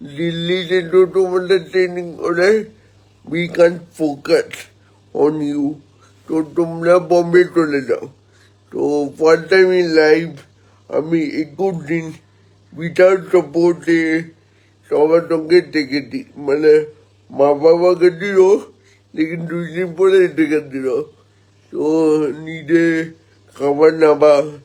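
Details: Adult man born 1988 with spastic cerebral palsy from lack of oxygen at birth, about 70% motor nerve damage affecting both hands and legs, speaking Bengali; dysarthria (spastic, cerebral palsy).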